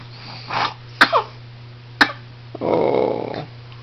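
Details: A person coughing a bit, not for the camera.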